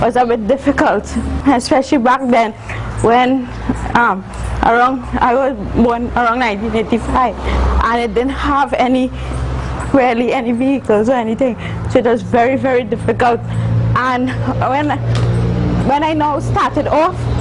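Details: Adult woman, a university student born with cerebral palsy of the spastic and athetoid type (stiff muscles, uncontrollable movements), with dysarthric speech in cerebral palsy.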